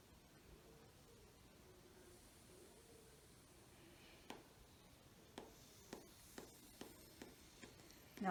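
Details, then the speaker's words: Manual blood pressure cuff inflation during a kinesiology practical exam on a younger brother as patient: soft, rhythmic hand-bulb squeezes while the radial pulse is palpated. Palpated systolic value was 135 mmHg. "so now i will start to inflate the cuff and take his radial pulse at the same time you ready henry"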